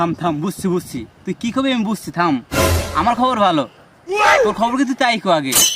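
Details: Adult speakers in conversation; ordinary fluent speech.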